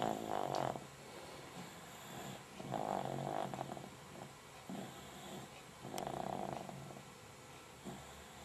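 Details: Snoring recorded 22 December 2007: three rattling snore sounds roughly three seconds apart over a steady room hum.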